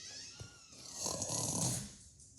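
One long rough, rattling snore-like breath sound, part of a comic imitation rather than a real sleeper.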